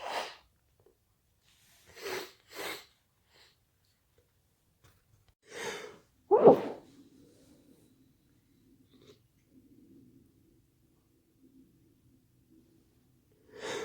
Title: Itchy sneezes 🤧🤧🤧